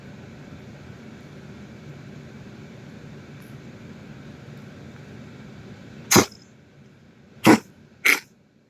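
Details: After quiet room noise, three short sharp cough bursts, possibly from a dog.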